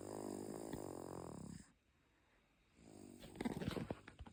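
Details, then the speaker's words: A dog sleeping and snoring very loudly: a long, rumbling breath in, a pause, then a rougher fluttering breath; snoring. "इतनी जोरजोर से snoring हो रही है।"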